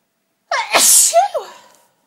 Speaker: Achoo! My sneezes are really violent. I think because the tease for so long, I'd eventually come out and it's such a relief to sneeze.